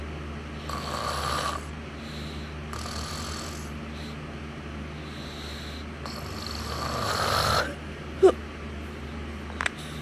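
Soft, irregular raspy snoring breaths with a couple of sharp clicks and low room hum.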